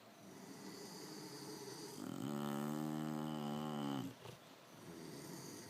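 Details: One drawn-out, rumbling snore with a buzzing vibration over quiet room noise from a sleeping bully-breed dog. Snoring.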